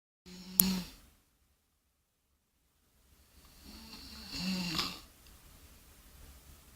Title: SNORING!